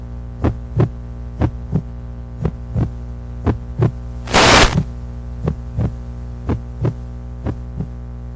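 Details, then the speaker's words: Normal heartbeat played as a sound clip during a speech: steady paired lub-dub heart sounds at about 60 beats a minute over a constant electrical hum. "obviously you heard the sound it was supposed to go off in just a second because that's the sound of your heartbeat"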